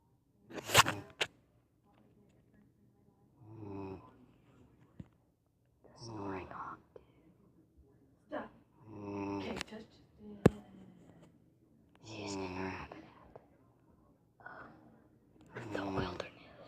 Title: Snoring hog 2